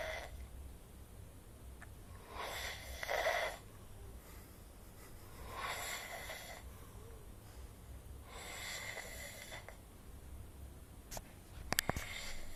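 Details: Adult snoring asleep at 11pm on holiday, described as wasted: soft, rasping snores about every three seconds in a quiet room, with a few clicks near the end.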